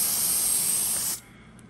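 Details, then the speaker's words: Steady hiss of an aerosol cold spray for about a second, then it stops, applied to a young patient's toe before numbing injections for permanent ingrown toenail removal. "i feel like the less pokes i use the less pain the patient has of course all right more cold sprays"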